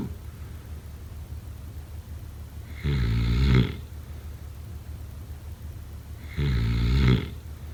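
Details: Snoring: two loud, low, rattling snores on inhalation, about 17 a minute, with quiet breathing between them.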